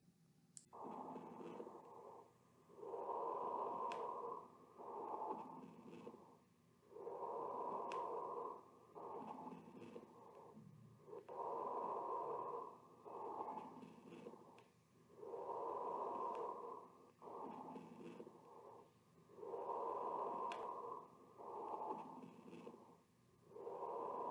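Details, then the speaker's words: Regular breaths at about 15 a minute with loud, bubbly, rattling crackles through each breath from mucus or fluid in large airways, as in pulmonary edema, pneumonia or bronchiectasis; coarse crackles. "It occurs when the patient breathes through mucus or fluid in the large airway. And this coarse crackle can occur in such cases like heart failure due to pulmonary edema, pneumonia, bronchiectasis and pulmonary infections that results in mucus secretions."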